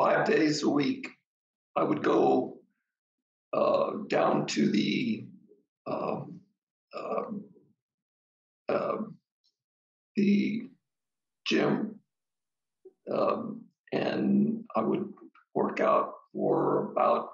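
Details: Adult man with aphasia after an ischemic stroke; the stroke was treated with TPA, which then caused a hemorrhagic stroke; he struggles to get through a sentence; aphasia.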